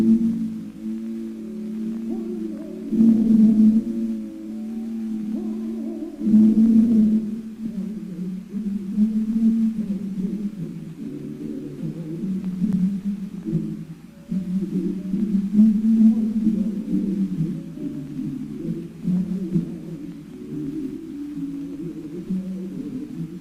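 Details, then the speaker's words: Orchestral music heavily muffled, only dull low tones and no clear high notes: simulation of Beethoven's profound hearing loss, which began in the upper octaves, with ears whistling and buzzing day and night. "my hearing grows worse and worse my ears whistle and buzz continually day and night"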